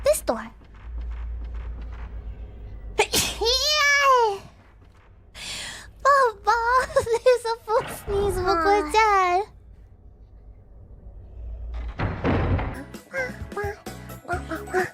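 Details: A VTuber sneezing during a ghost-game stream: a few short high-pitched sneeze bursts, one cut off halfway, between bits of talk in a small room. Sneezes 663-665, two and a half sneezes.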